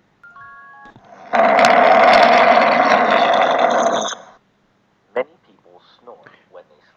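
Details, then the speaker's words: Snoring sample played in a pediatric lecture on noisy breathing: a loud, rough, rattling noise on one drawn-in breath, from the relaxed soft palate narrowing the throat. "اول حاجه موجوده معايا في النويز بريذنج او النويز ريسبيريشن السنورنج. ايه هو السنورنج؟ الشخير."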